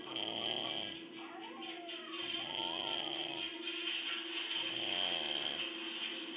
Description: i could make a whole move with my dad snoring lol